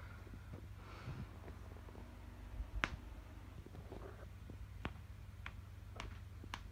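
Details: Joint cracking: about five sharp, dry pops over a low room hum.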